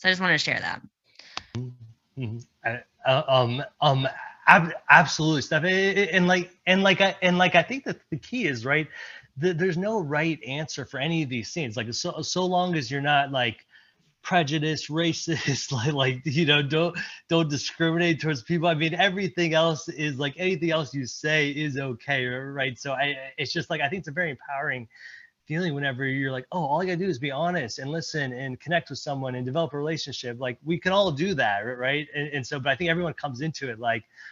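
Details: Presenter at a stuttering-community event, speaking with word repetitions. Finding: stuttering.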